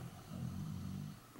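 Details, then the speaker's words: Pet dog snoring in the background of an indoor home recording. "Also, sorry if you can hear my dog snoring in the background."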